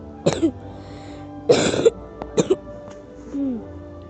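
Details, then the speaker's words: Child who says she feels unwell gives three short coughing bouts, each two sharp bursts then a brief voiced sound, music or hum behind; cough. "Me puso que hiciera un video tosiendo. Y ahí está."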